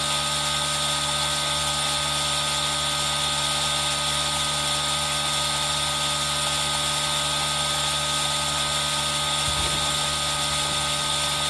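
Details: Steady, high-pitched hiss and hum of a running aerosol nebulizer, recorded on a Zoom H1n for ASMR, with a rain-like wash behind it.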